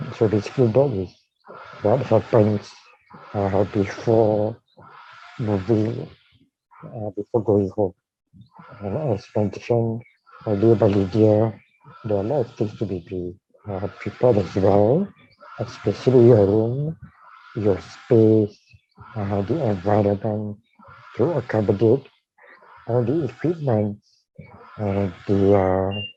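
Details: Dysarthria with tracheostomy leak speech in a man with ALS/motor neuron disease diagnosed in 2018, tracheostomised late the previous year and speaking around the tracheostomy while on a ventilator, needing suctioning between talking.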